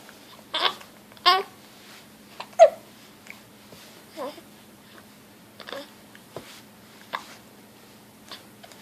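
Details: Baby: short, abrupt hiccups repeating irregularly, about 45 a minute, with soft baby voice sounds; hiccups.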